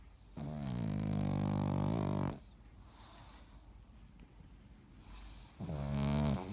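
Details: A sleeping dog snoring very loudly: long, rumbling snores on each breath, with quiet pauses between them.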